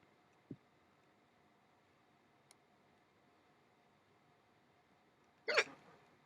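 Two brief, sharp hiccup-like catches in a quiet room, several seconds apart, then a louder burst.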